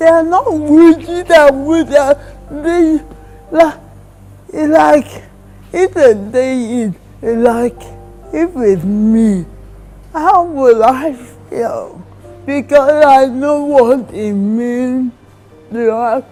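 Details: Woman in her 30s with cerebral palsy diagnosed in childhood; dysarthria (cerebral palsy).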